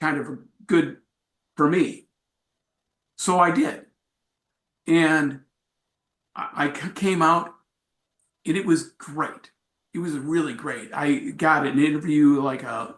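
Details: Adult man with aphasia acquired after a traumatic brain injury from a bike accident without a helmet, followed by about a month in a coma; about four and a half years post injury, presenting at an aphasia support group.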